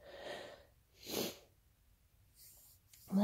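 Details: Sneeze induced with chhinkni (sneezing powder): a quick indrawn breath, then a short forceful burst of air through the nose and mouth, a single sneeze.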